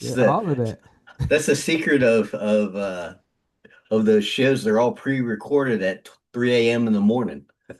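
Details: Adult man speaking; normal conversational speech.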